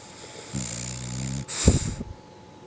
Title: Butch snores